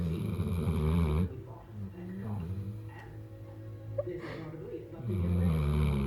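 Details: Big black puppy asleep: loud, low rumbling snores at the start and end, with a quieter stretch between; dog snoring.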